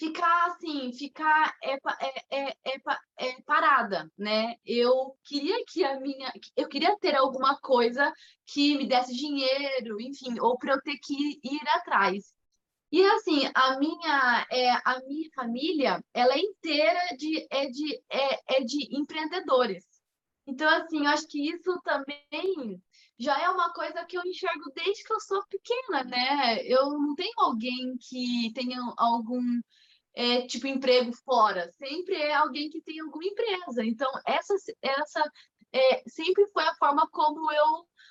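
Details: Mild stuttering in a 25-year-old woman, with onset around age two and a half to three.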